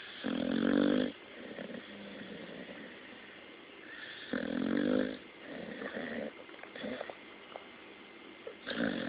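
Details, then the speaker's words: Snoring in sleep: loud, rattling snores on the in-breath with quieter breathing between, about 15 breaths a minute, fairly irregular. "Boomer. Hello. You're snoring. You can go back to sleep."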